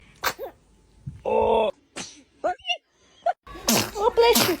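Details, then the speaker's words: Newborn baby giving several small, sharp sneezes with brief squeaks between them while an adult softly says "bless you"; sneezing. "Oh, goodness. Were you about to sneeze? Bless you."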